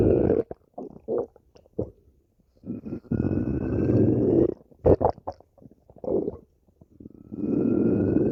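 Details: Irregular low gurgles and longer rumbling growls with squeaky tones, separated by quiet gaps; ordinary stomach growling (borborygmi).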